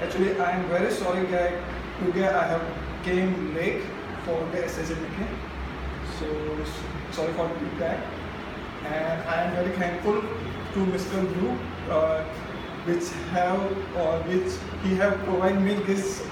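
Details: Adult man who stammers, speaking at a stammering self-help group: stuttering.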